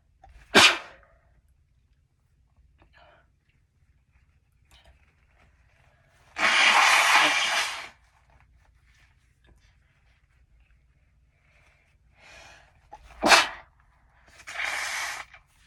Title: Chhinkni Sneezes 3 (nb)